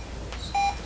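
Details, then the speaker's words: A single clear mid-pitched cardiac monitor beep in a quiet room during an EKG lesson, rate 80 beats a minute, regular rhythm; normal sinus rhythm on cardiac monitor. "So that is normal. So this rhythm is normal sinus rhythm."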